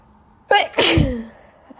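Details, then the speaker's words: Allergic sneeze, not illness, in someone who sneezed all day at school: one forceful sneeze, a short sharp intake, then an explosive burst with voice. "I sneezed all day at school today. I'm not sick. Just allergies again. Always."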